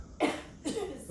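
Two quick, harsh coughs from an adult in a small room, an irritant cough after breathing pepper spray.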